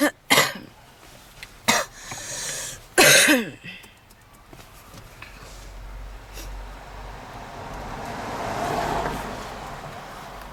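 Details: Woman smoking in a car with heavy wheezing on almost every inhale: three forceful, harsh coughs over car interior noise; smoker's cough.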